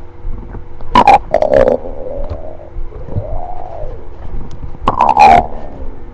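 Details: Stomach growling: gurgling, squeaky rumbles and low bubbling over quiet room noise.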